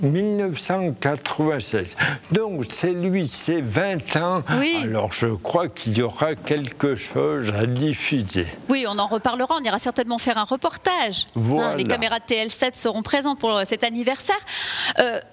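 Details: Adult speakers in a French interview; ordinary conversational speech.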